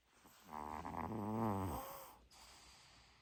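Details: Pet sleeping in the owner's bed, whose snoring sometimes wakes the owner: a single drawn-out, rumbling snore on an in-breath, followed by quiet; snoring.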